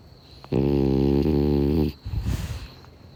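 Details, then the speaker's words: Sleeping French bulldog snoring outdoors on a summer night: one long, rough, buzzing snore with faint steady cricket chirping behind. "a video of the moon and the clouds dancing past it over the coffs harbour jetty forshaw for sure whilst my french bulldog snores and the summer crickets chirp in the background"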